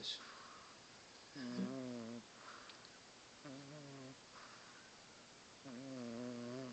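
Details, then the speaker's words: Sleeping cat snoring very loudly: rhythmic buzzing snores on the in-breath, three in under seven seconds, with soft breaths between. "Just don't understand how an animal can snore that loud."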